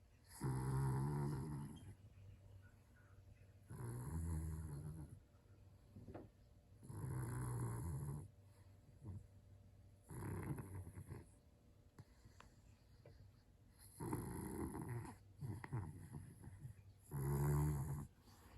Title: Yorkie dog snoring